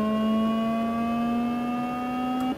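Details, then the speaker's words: Bexen Reanibex 200 AED after heart-rhythm analysis advises a shock: steady rising electronic whine as the defibrillator charges before delivering the shock. "the device will advise a shock if it is needed do not touch patient analyzing heart rhythm shocker fight"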